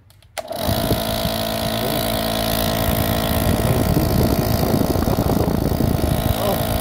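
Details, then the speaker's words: Nebulizer compressor switched on after being opened and cleaned to fix weak airflow: a small motor starts and keeps a steady buzzing drone with fast pulsing, now pushing air. "so para makita natin na meron mang hangin so paandarin natin ilagay natin dito no talagang May hangin"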